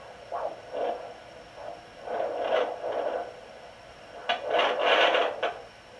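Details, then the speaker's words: Pocket fetal doppler (Sonoline B) with aloe vera gel on the mother's left abdomen: rapid whooshing fetal heartbeat pulses, partly masked by probe scraping and fetal kicking movement bursts; mother's slower heartbeat also picked up. "what you're looking for is like a galloping sound that's my heartbeat right there it's slower"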